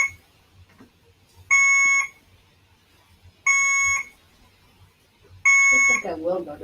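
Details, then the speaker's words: Infusion pump alarm at a hospitalized patient's bedside: repeated high-pitched electronic beeps about every two seconds, with brief speech at the end. "when i did my last update there are nurses in here that i just had my my drip was beeping and they fixed it"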